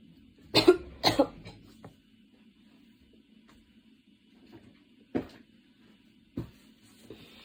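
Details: Coughing fit that came on while studying, minor at first then so intense studying stopped; changing positions, standing: a burst of several harsh coughs in quick succession, then quieter single coughs after a pause.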